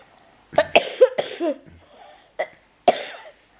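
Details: Adult with an illness coughing while reading the children's bedtime story "Barmaley" aloud: a few short, harsh coughs in two clusters with a pause between, in a quiet room.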